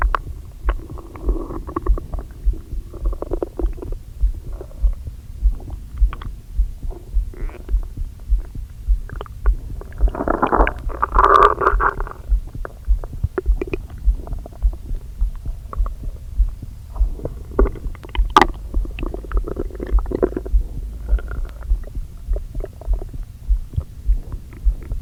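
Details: Borborygmi from an aching stomach recorded with a microphone, after eating brunch too quickly following a long fast: low gurgling and rumbling bursts, with a louder churning gurgle midway.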